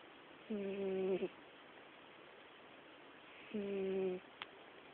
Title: Snoring Cat